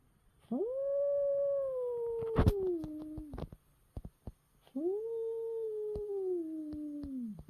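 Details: A female brown tabby cat with mild glaucoma under treatment since about 2022, napping, gives two long moaning calls that slowly fall in pitch, alongside snoring; sleep vocalization (sleep-talking).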